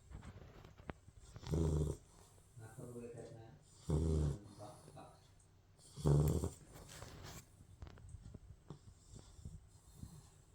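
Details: Sleeping Labrador puppy: three loud, low, rumbling snores about two seconds apart, with softer breaths between; puppy snoring.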